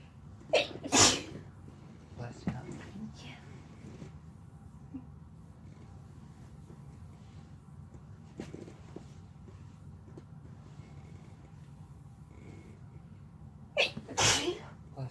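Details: Female and male sneezing while lying on each other: three sharp sneezes, two close together at the start and one near the end, over quiet room noise.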